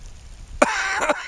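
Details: Cough recorded outdoors on a pouring-rain day at Comox Lake.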